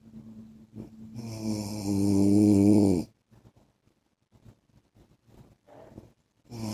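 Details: Husband's loud, rising rattling snore on the in-breath, then soft puffing exhales and the start of the next snore; heavy snoring during sleep.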